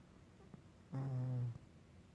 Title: snoring !!!!